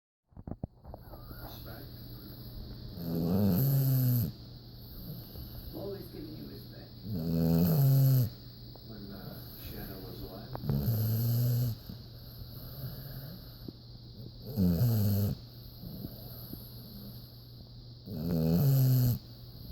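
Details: Sleeping dog giving loud, rumbling snores, five over about 20 seconds (roughly 16 breaths a minute), with a steady room hum; snoring.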